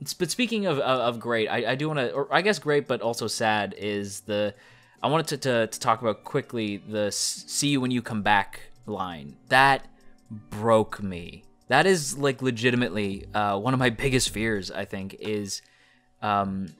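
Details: Male speaker who describes his own speech as stuttering; part-word and whole-word repetitions, consistent with stuttering.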